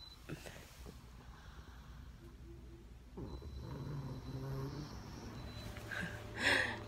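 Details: Snoring of a sleeping pet named Ninou, indoors in the evening: low, buzzing rattles with a rhythmic rumble on the breaths against faint room noise.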